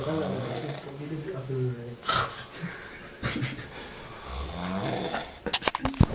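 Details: Sleeper snoring: low rumbling snoring breaths, with rustling and handling noise toward the end.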